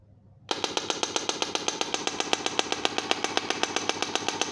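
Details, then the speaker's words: Rapid, regular sharp clicking pulses, about four per second, from a low-cost shockwave therapy handpiece (model HL3621) applied to the medial side of the knee for knee pain and osteoarthritis; a demonstration. "so you can apply the shock wave onto the medial side onto the lateral side and here side as well as onto the posterior side of course four posterior side you need to make your patient into prone line position and then you can apply the shock wave so let's start applying the shock waves"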